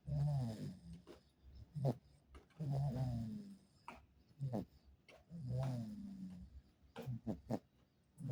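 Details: Snoring: repeated low, rumbling snores on each breath, about 22 a minute, with soft snorts between them.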